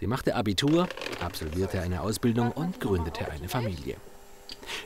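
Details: Adult male speaker; Normal fluent speech.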